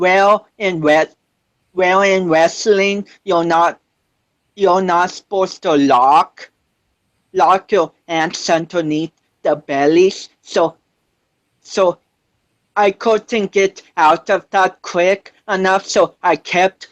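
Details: 25-year-old man with cerebral palsy since birth, which he says affects his balance, coordination and speech; doctors said he would never walk, and he is now a powerlifter; speech impairment associated with cerebral palsy.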